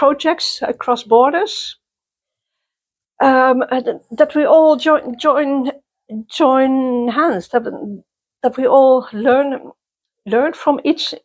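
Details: Adult woman who stutters, attending youth meetings for people who stutter since 1995; part-word and whole-word repetitions; stuttering.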